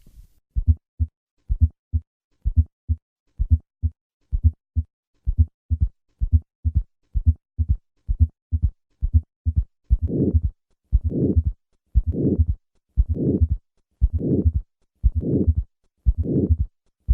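A regular heartbeat of about 60 a minute with extra low thuds around the main sounds, followed by a loud, harsh diamond-shaped murmur filling systole. This is aortic stenosis with third and fourth heart sounds: a narrowed aortic valve alongside a stiff, failing left ventricle.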